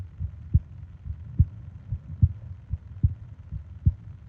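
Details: Heartbeat-and-breathing sleep ASMR recording (20-minute loop): soft, muffled low thumps in paired beats at about 70 a minute with faint breathing noise; steady normal heartbeat.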